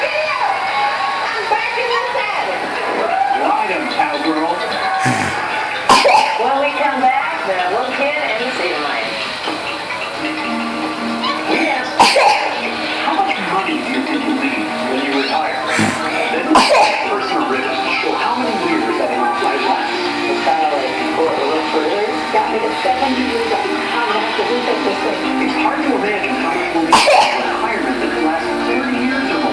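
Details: Coughing tics: sudden, brief single coughs at irregular moments over continuous television talk in the background.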